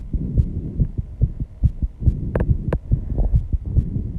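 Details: Own heartbeat after intense exercise, measured 134 bpm, audible even without microphone: fast, strong, regular beats roughly 135 a minute with a faint hum; sinus tachycardia.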